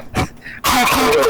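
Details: A short cough or throat-clearing burst, followed by a loud, rough, noisy sound to the end, amid laughter: cough.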